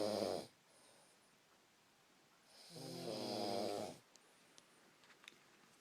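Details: Person snoring while sleeping: two loud, rattling snores with a quiet pause between them; snoring.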